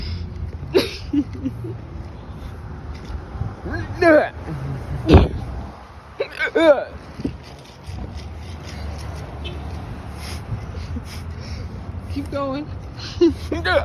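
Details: Man's loud hiccups after drinking quite a bit, while walking outdoors back to his car; not exaggerated, and laughing hurt. About six sharp, voiced, squeaky gulps at irregular intervals over a steady low outdoor rumble.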